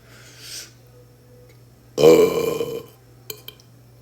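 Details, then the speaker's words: One loud, prolonged, rumbling belch lasting about a second from a boy, with quiet room sound before and after; burping. "I do got a burp though EXC excuse me"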